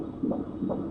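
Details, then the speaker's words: Fetal heartbeat from twins carried by a 27-year-old paid surrogate who is four months pregnant: rhythmic Doppler whooshing pulses at about 150 a minute, described as strong and steady. "strong and steady heartbeat it's sweet music to the ears of 27 year old Jyoti Syria one she she's four months pregnant with twins"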